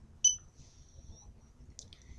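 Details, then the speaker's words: GemStar epidural infusion pump, green start button pressed after priming: short high electronic beep then fainter chirps, start tone as infusion begins. "and then to start the infusion all you have to do is press the green button that says start"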